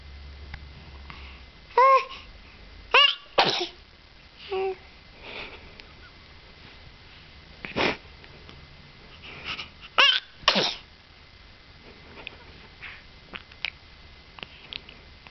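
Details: Baby sneezing: several short, sharp sneezes in a quiet room, some with a brief voiced catch, separated by pauses and faint sniffs.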